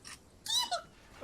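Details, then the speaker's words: Sneeze from an adult man, described as a high, ridiculous pixie sneeze, followed by a cough. "and now he's trying to cough in a manly fashion to offset that ridiculous pixie sneeze"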